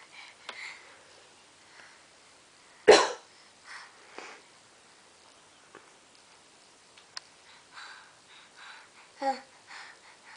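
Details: Baby sneezing: a single sharp, explosive sneeze among soft, breathy sniffs and small noises, with a brief infant vocal sound near the end.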